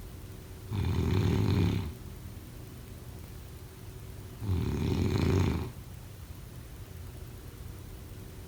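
Loud rattling snores on each in-breath, roughly every four seconds, with quiet breathing between; ordinary snoring.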